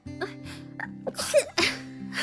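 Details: Streamer sneezing repeatedly during a live stream: two sharp, explosive sneezes close together over steady background music; sneezing.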